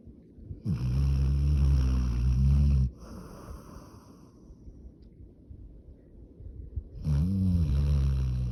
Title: Funny Dog Snoring